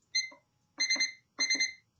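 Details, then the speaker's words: A Covidien 700 Series SCD compression device powered on while the forward-arrow and B buttons are held to enter the service menu, with no boot-up screen: three high electronic beeps, the second and third doubled. "okay you can see right there it did not did not go into a boot up screen it just beeps and there you are it's right in the screen"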